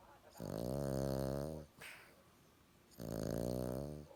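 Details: Sleeping dog giving two long, loud rumbling snores with a quiet breath between them: ordinary snoring.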